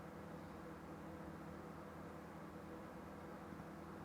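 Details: Audiologist performing endoscopic ear microsuction to remove a very deep, long compacted wax plug reaching the eardrum: quiet, steady hissing suction noise with a low hum.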